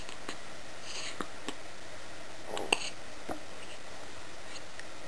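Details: A child's bout of hiccups in a quiet room: a few soft, sharp clicks and one clearer, voiced 'hic'.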